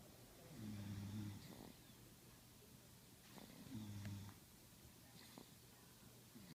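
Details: A father and another sleeper snoring: soft low snores about three seconds apart against steady room hiss.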